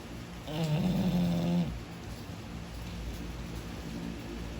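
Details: English bulldog snoring heavily while asleep: one loud, rattling, fluttering snore on an in-breath, followed by quieter rumbling breathing.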